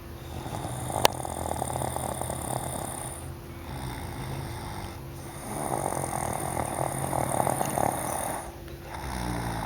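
Low, rough breathing noise rising and falling in slow cycles over a steady background hum: snoring.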